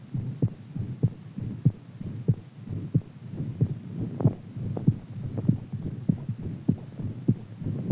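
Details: Heartbeat after exercise: steady low thumping at about 97 beats a minute, a quickened rate, with a faint hum underneath.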